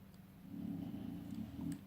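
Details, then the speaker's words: Female bully dog asleep: low, rumbling, rattling snore, a steady throaty drone in a quiet room, heard as she snores again: snoring. "Can you hear my bully? She's snoring again."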